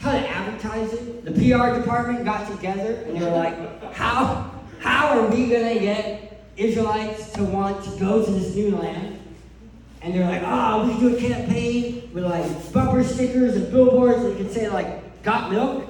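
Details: Adult male who lost 80% of his tongue to cancer, leaving a permanent speech impediment; articulation disorder after partial glossectomy.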